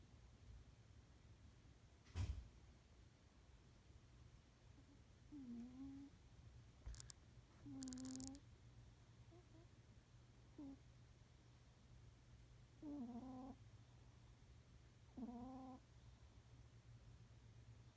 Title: THIS is what it sounds like when cats snore!